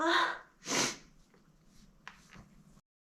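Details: Sneezes induced with a feather duster: two quick, sharp bursts of air, a sniffly in-breath then a forceful snort-like out-breath, followed by soft breathing.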